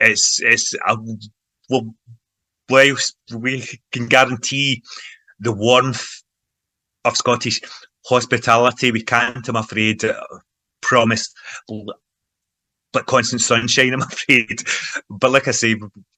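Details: Adult man who stammers and has long been involved in stammering self-help groups; stuttering (stammering).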